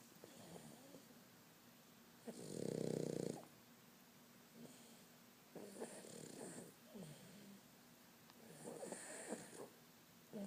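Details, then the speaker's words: Sleeping pug dog snoring: irregular snorting, rattling snores with several snuffly breaths between the louder ones. "What are you doing? You're snoring."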